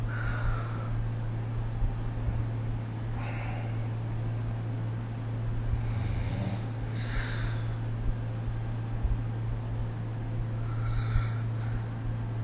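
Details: Snoring during sleep recorded with the SnoreLab phone app: low, rough snores recurring every few seconds over a steady background hum.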